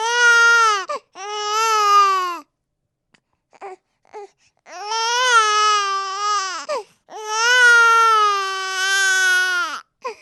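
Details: Loud, sustained infant cries in long bursts with brief pauses and small whimpers between; ordinary baby crying, from a sound-sample recording.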